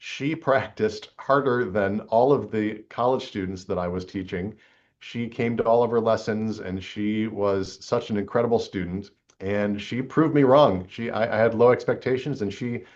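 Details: Woman aged 81, a former film star recorded about 50 years after her earlier recordings: lower fundamental frequency and raspy, rough, breathy quality, plus a vocal tremor, likely essential tremor acquired with age; recording setting and emotional topic may also contribute. Presbyphonia with vocal tremor.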